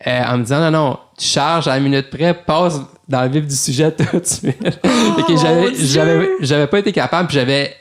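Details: Adult male lawyer who stutters, speaking French in a real podcast interview; stuttering.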